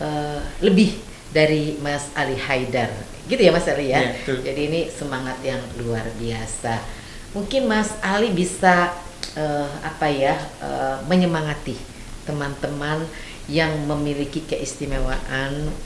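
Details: Adult podcast host; normal speech.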